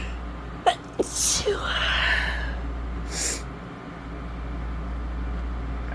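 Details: Woman in bed with a summer cold for a few days, itchy congested nose, sore throat and earlier fever: a catch of breath, a loud sneeze, then a short sniff over steady room hum.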